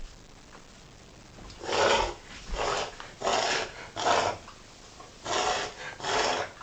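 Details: Dog reverse sneezing: six harsh, snorting inward breaths in quick series.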